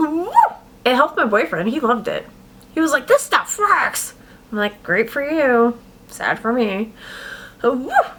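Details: Adult woman with adult-onset Tourette syndrome, tics beginning six years earlier at age 32, with vocal outbursts occurring between her words; vocal tics (Tourette syndrome).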